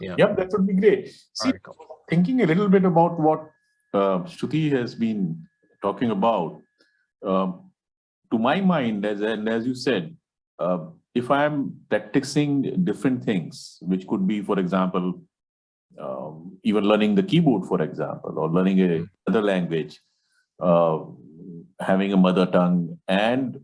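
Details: Adult male speaker; normal speech.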